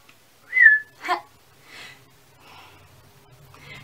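A short rising whistle, then a brief vocal burst and quiet speech; a whistling vocal tic of Tourette syndrome.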